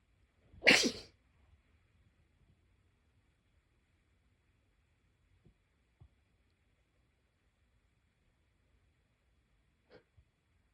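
A single loud, sharp sneeze followed by near silence with a few faint clicks; one sneeze.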